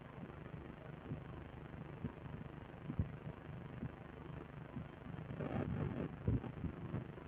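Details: Heartbeat of a muscular man: normal heart sounds.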